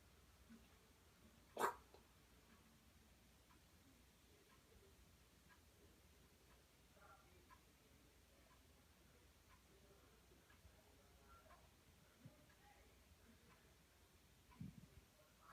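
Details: Female bearded dragon gives one sharp cough-like puff, then a fainter one. Vet tests and X-rays found nothing wrong; a reptile specialist judged these aggressive noises at something intimidating her, not respiratory illness.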